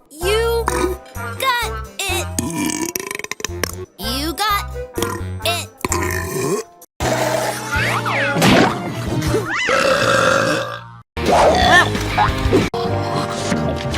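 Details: Acted belches from female animated cartoon characters in a compilation, cut together over loud music and sound effects; burping.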